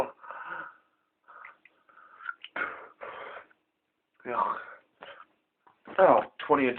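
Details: Adult with pertussis (whooping cough), ill about 2 weeks, tested and on medication, around 7am: strained, gasping coughs and retching (dry heaving), ending with harsh high-pitched inspiratory breaths; fits recur about hourly.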